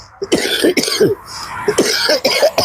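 A series of about five short, deliberate dry coughs from an adult in a quiet room.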